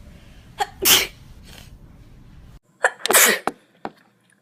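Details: Girl sneezing: two sneezes, each a quick indrawn breath then a sharp explosive burst; ordinary sneezing.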